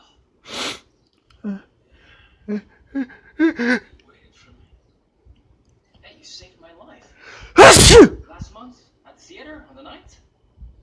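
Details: A person's single loud, explosive sneeze after quieter sounds and a few breathy vocal noises in a small room; the dog reacts by running over to bark.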